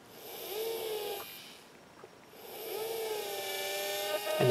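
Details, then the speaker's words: Dental drill whining in two bursts with a pause, preparing the first 12 mm osteotomy with a guide pin in a model jaw for 2.9 x 12 mm Zest LODI overdenture implants, pumping for irrigation. "I'm going to take out my 12 millimeter drill stop I'm gonna begin by drawing my first osteotomy site using my guide pin"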